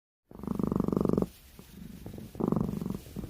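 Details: Sleeping cat snoring: rapid fluttering, purr-like snores in two bursts with softer rumbling between them.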